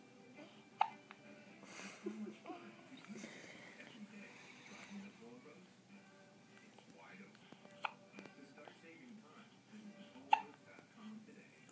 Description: 1 day old has the hiccups